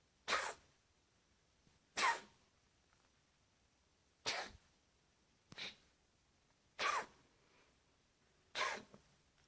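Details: Cat coughing: six sharp, hissing expulsive bursts about every 1.5–2 seconds in a quiet room.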